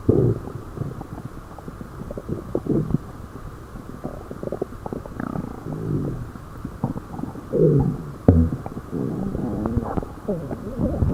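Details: Stomach growling: low, irregular gurgling and rumbling with brief bubbly bursts and squeaks over about eleven seconds, ordinary borborygmi.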